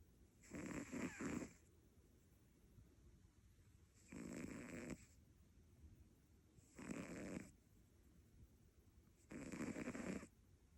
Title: My Cat Snores! #catlife #cat